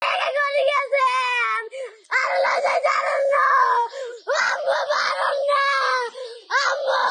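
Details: A child cries beside the mother's grave in Comilla in a reported stepmother abuse case: loud, high-pitched wailing bursts with brief catching breaths between sustained sobs.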